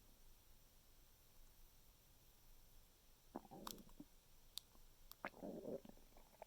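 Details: A few gurgling, bubbling stomach rumbles in a quiet room after eating mango; ordinary bowel sounds.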